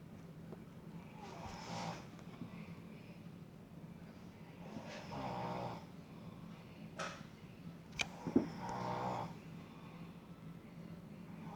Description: What the heck is wrong with my brother and he says he doesn't snore well would you look at that